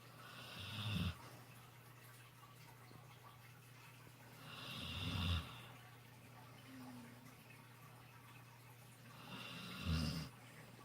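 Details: Snoring while napping with face in the sun: three slow, rough snoring breaths about 4–5 seconds apart, roughly 13 a minute, with quiet room noise between them.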